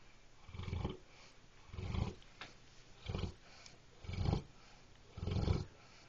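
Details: Animal named Moxie snoring in its sleep: deep, rumbling snorts repeat steadily, five in about six seconds, roughly 50 a minute, over quiet room noise.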